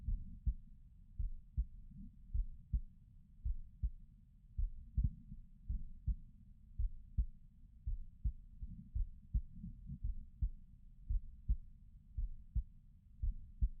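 Steady, muffled low thumps in pairs at about 56 beats a minute; a regular heartbeat.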